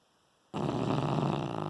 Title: Dog Dreaming Funny Snoring